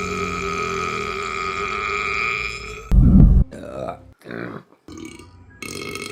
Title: Burping Compilation July 2023 #4 | RBC